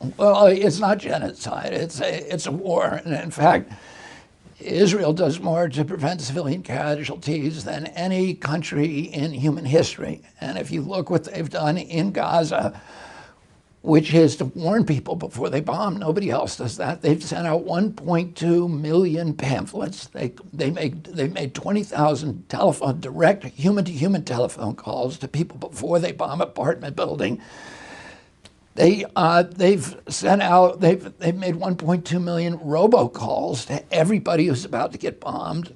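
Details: Adult man with spasmodic dysphonia. He had a very strong voice until age 42, then a neurological injury in 1996; he says the cause is his brain sending wrong signals to his vocal cords. Spasmodic dysphonia.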